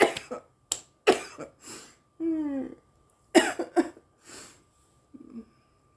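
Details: An adult woman smoking marijuana gives short bursts of harsh coughing and throat clearing with a brief voiced groan, coughing after inhaling smoke.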